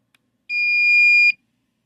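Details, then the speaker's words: Single steady high-pitched beep under a second as a Philips HeartStart home AED is switched on during a demonstration, before its spoken prompts: AED power-on tone. "Now, got to turn this unit on. You turn it on."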